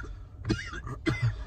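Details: Two sharp, harsh coughs from an adult in a smoky room, with a low steady rumble in the background.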